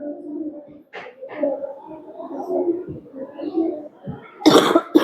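Throaty clearing sounds followed by a sharp single cough and the start of another.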